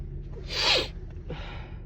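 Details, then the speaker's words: Female with allergies, nose tickling: a short inhale, then a single forceful hissing sneeze and a softer breath out. "allergies have been bothering me today. I think I have to sneeze again. God, it tickles."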